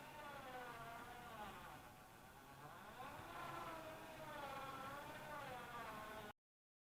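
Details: Home-made 3D-printed mechanical ventilator driven by a power-drill motor through a 30:1 gearbox and a further 3.76:1 reducer; a steady motor whir rising and falling in slow cycles as it runs.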